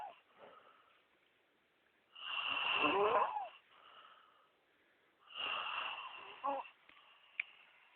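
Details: Two long, harsh, whistling inspiratory snores from a sleeping man, a few seconds apart, quieter breaths between; snoring.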